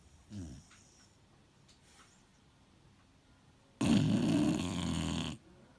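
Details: Three-year-old beagle, a habitual loud snorer: a fainter earlier breath sound, then one loud, rough, rattling snore lasting about a second and a half while resting.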